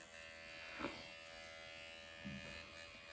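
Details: Steady high electric buzz of a microneedling pen running without a break in a small room, used on the face at about 1 mm depth over numbing ointment, nose treated.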